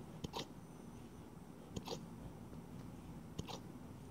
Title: More Husky Puppy Hiccups